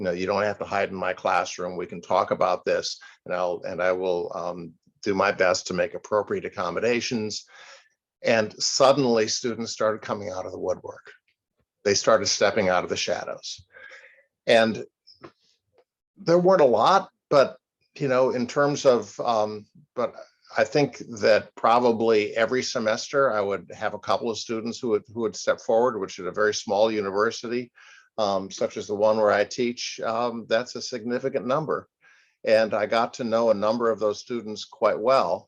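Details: Adult male speaker; typical speech.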